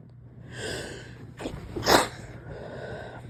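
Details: Deliberately induced sneeze, stifled: a quick inhaled gasp, then one sharp, partly held-back sneeze burst against faint room noise.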